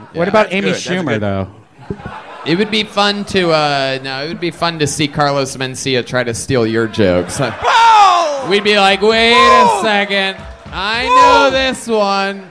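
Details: Adult male speaker; Normal speech.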